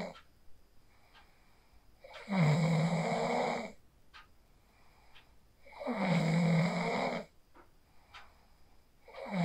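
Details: A sleeper snores after practicing the 4-7-8 breathing technique, recorded on a phone: rhythmic snoring at about 16 breaths a minute, with a buzzing, rough snore on each inhale and quiet breathing between.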